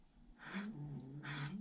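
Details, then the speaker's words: Poodle asleep on a bed, snoring: two soft, snorting breath sounds with a steady low hum in a quiet room. "Can you hear my baby Coco snoring on my bed? My poodle."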